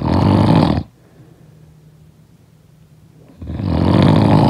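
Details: Snoring: deep, rough rattling snores on breathing in, separated by quiet pauses of a few seconds.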